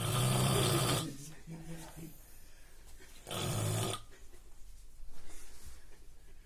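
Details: Normal adult man asleep: two loud, low, rattling inspiratory snores about a second each, with quiet breathing between; ordinary snoring.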